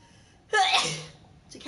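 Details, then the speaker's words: A woman's single sharp, explosive sneeze with a brief intake before it, in a quiet room during a live stream; sneeze. "Hey whoa that was a sneeze she's gonna do it"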